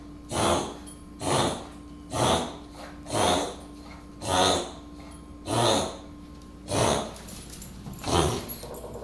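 A dog gives eight short, noisy, snorting bursts about a second apart, a run of repeated sneezes, with faint room hum underneath.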